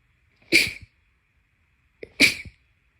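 Two crisp sneezes, each with a short intake and trailing snort, about 1.7 seconds apart; repeated sneezing.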